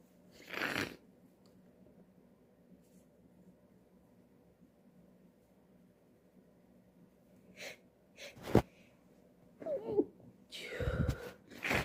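Several sharp, explosive bursts of air with short breaths between them in a quiet room; a run of repeated sneezes.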